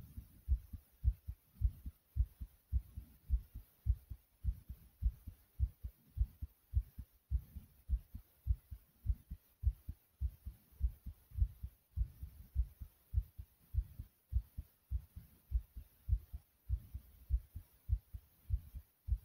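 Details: Recorder's own adult heartbeat: strong, regular low pounding thumps at about 100 beats per minute; pounding heartbeat.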